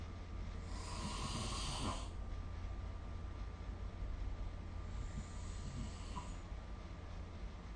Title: 🐽 Snoring Sleep Sound / いびきの音